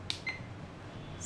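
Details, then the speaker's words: SK 602 infusion pump keypad: two short high electronic beeps as the down key is pressed twice to lower the preset volume by 20 in time mode, over quiet room hum. "press down key once the value will reduce by 100 and then choose 10 press down twice"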